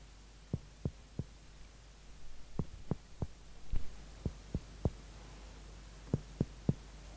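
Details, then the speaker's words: Indirect finger-on-finger cardiac percussion, tapping finger held parallel to the expected heart border: earlier taps sound resonant over air-filled lung, the fourth taps are duller over the blood-filled heart, outlining the cardiac border. "you can hear that the sound during the fourth knocking was more dull compared to resonant sound before it's a difference between the heart filled with the blood compared to lungs full of air"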